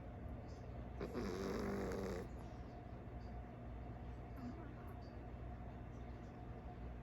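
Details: Sleeping calico cat snorting in her sleep: one soft, rattling snore over a steady low room hum; ordinary snoring.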